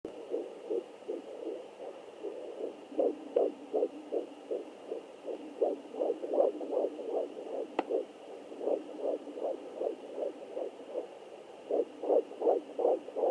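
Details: Fetal heartbeat on Doppler: rapid, regular whooshing pulses at about 160 beats a minute.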